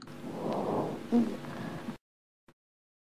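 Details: Adventitious rhonchi heard with the stethoscope diaphragm during chest auscultation: a single breath carries a low, coarse, snoring rattle.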